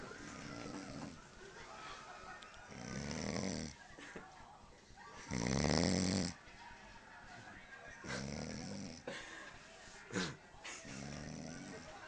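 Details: Person snoring, worn out from staying up late to watch the Hatton fight: loud, rough snoring bursts recur about every 2.5 seconds with quieter breathing between them.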